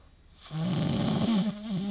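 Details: Person sleeping after drinking too much agave liquor: a single loud, buzzing snore on the in-breath, rough and vibrating throughout. Ordinary snoring.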